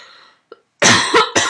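After a faint breath and a brief click, an adult gives a harsh, noisy cough in three quick bursts, a plain single coughing episode.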